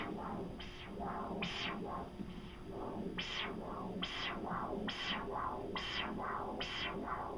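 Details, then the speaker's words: Continuous-wave Doppler of the leg, listening at the common femoral artery for a triphasic arterial waveform: triphasic arterial Doppler signal. "i'm going to also listen with my ears for that triphasic waveform"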